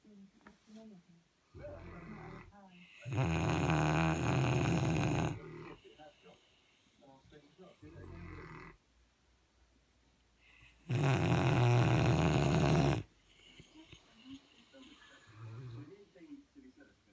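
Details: Loud rumbling snores from two sleeping St Bernard dogs, long harsh bursts alternating with softer breaths, about eight a minute.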